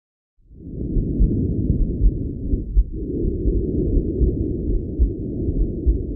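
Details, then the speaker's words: Normal tracheal breath sounds over the neck of a healthy person: loud, intense, harsh, high-pitched airflow in both phases, slightly stronger on expiration, with a marked pause between phases. "these sounds are intense harsh high pitched audible in both phases of ventilation but slightly stronger and expiratory with a marked pause between the two phases"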